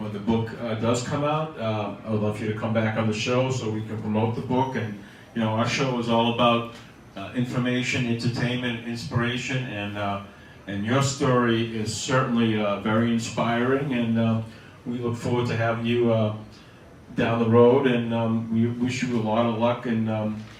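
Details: Adult man speaking; normal adult speech.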